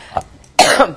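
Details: Adult woman speaking in a live interview: a faint catch in the throat, then one loud, harsh cough burst with a voiced tail.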